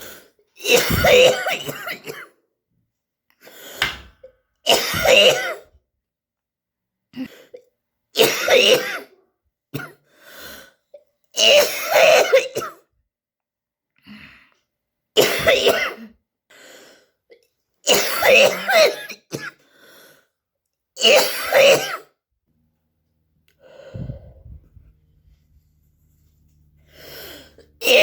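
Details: Repeated harsh, wet productive coughs with throat clearing, bringing up sputum.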